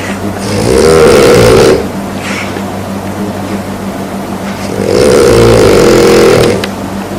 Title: Snoring during the day